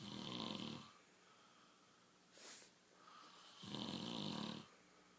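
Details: Snoring during sleep: loud buzzing in-breath snores with a whistling edge, quieter out-breaths and a short sniff.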